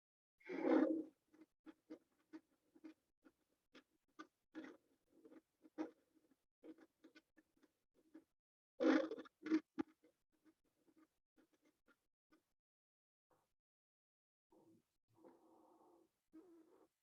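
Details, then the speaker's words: Crackles (rales), abnormal breath sounds linked to fluid, inflammation or excess secretions in the lungs: many brief popping clicks between two breath sounds. "bueno o aquí que aquí ya empezamos a ver los que no son normales que ya empezamos a ver lo que son los crepitantes lo civil ansia los estertores"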